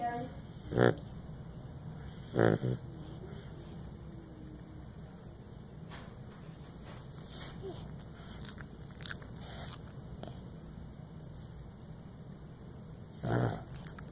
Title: Our snoring dog.